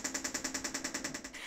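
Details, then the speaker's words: Adult woman treated for depression with transcranial magnetic stimulation: a device on the head delivers magnetic pulses to the left prefrontal cortex, heard as a rapid train of sharp clicks, about ten per second, during treatment. "a device is placed on the patient's head that emits magnetic pulses to the brain's left prefrontal cortex"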